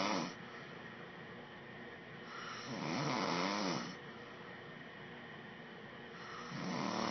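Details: Adult man snoring, recorded by his wife: continuous rough snoring with slow swells and one louder rattling snore in the middle, over steady background noise.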